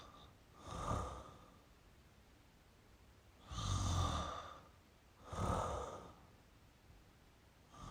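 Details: Mild snoring in a sleeping male: soft, snorting breaths with a rough flutter on the inhale, separated by quiet pauses.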